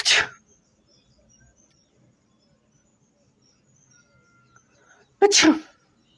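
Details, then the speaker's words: Sneezes deliberately induced by sniffing a tobacco-like substance held near the nose in a sneezing challenge: two sharp, explosive sneezes about five seconds apart, with a quiet room between them. "इसकी जैसे गंद आएगी उससे जोर-जोर से जो छींक आने वाली है तो चलो एक बार है जो ना के पास में करते हैं और फिर देखते हैं छींक आती है या नहीं आती है"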